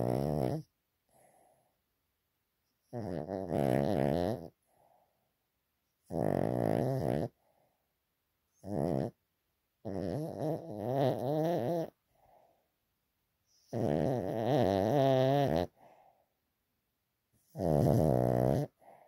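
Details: Sleeping dog snoring loudly and rhythmically, each a long rattling breath with quiet gaps, about ten snores in 19 seconds; owner wonders whether a vet should check his breathing.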